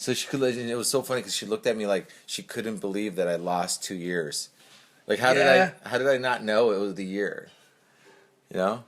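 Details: Adult male speaker; typical speech.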